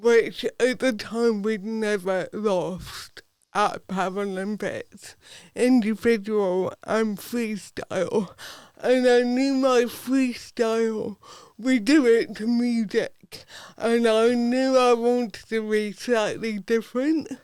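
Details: Adult woman with athetoid cerebral palsy from birth, Paralympic dressage rider whose speech is affected by it, previously self-conscious about her speech; dysarthria (cerebral palsy).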